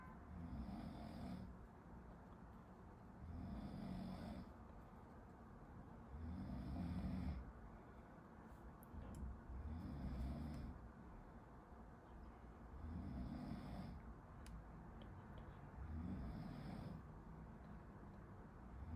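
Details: Low, rumbling, steady rhythmic snores at about 20 breaths a minute, heard from a distance in a quiet room behind a medical student studying; snoring.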